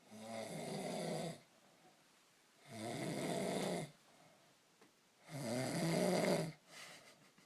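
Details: Man snoring after a few too many beers: three long, rattling inspiratory snores about every two and a half seconds with quiet pauses between; ordinary snoring.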